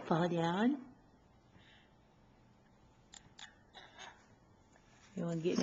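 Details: Infant teeth grinding (bruxism): faint, sharp scraping clicks of the teeth between brief voiced sounds.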